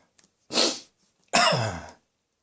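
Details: Adult with a lingering, slightly chesty cough that keeps recurring: two harsh barking coughs, the second rough, voiced and somewhat chesty.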